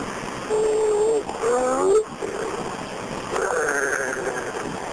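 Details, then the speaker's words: Emergency phone call during bystander CPR on an apparently arrested man: irregular groaning gasps identified as agonal breathing, a sign of cardiac arrest, not effective breathing. "is that the patient yeah he sounds like he's ging on something yeah that sounds like he's got agonal breathing keep doing the chest compulsions only"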